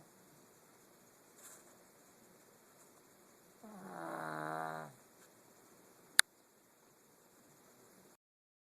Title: My Snoring Pug